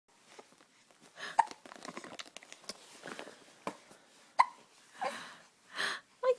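Repeated sharp hiccups at uneven intervals, about five in six seconds, with soft background sounds; ongoing hiccups.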